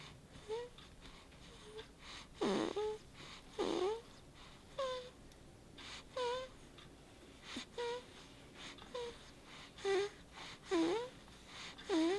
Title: 1 Min of Baby Snoring